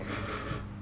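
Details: Eight-week-old kitten at a vet checkup, briefly excited during the exam: a brief, noisy nasal sniff or snort, ordinary sniffing breathing, not a breathing problem.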